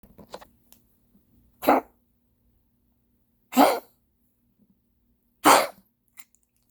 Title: Spike coughing